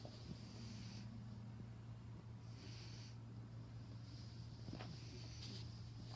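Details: Sleeping F5 Savannah cat snoring.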